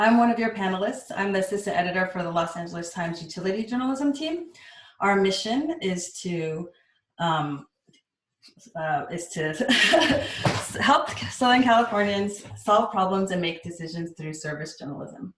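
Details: Adult woman speaking; ordinary speech.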